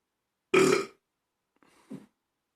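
One loud, deep burp, followed by a short quiet vocal sound.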